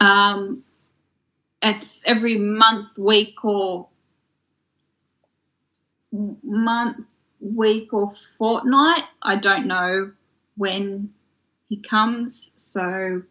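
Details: Adult woman from Australia with aphasia that developed after a stroke in 2016 at age 33: aphasia.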